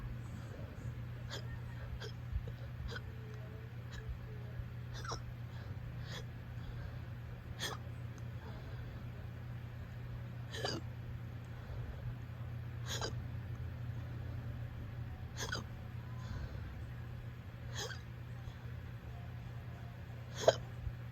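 Brief sharp catches recur about every two to three seconds over steady room hum; repeated hiccups, roughly 25 a minute.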